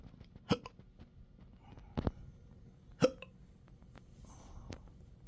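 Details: Intractable hiccups since December 9, 2015, with breathing and choking spasms, belching and developing type III achalasia, occurring in daily 12-hour episodes: four abrupt hiccups at irregular intervals over quiet room noise.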